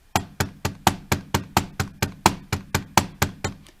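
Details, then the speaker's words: Third heart sound (S3 gallop) vocally imitated by a tutor for teaching: S1 S2 rhythm, then an S3 added immediately after S2. "to make it simple for you guys i will make the following sound this is s1 s2 s1 s2 now i will make an s3"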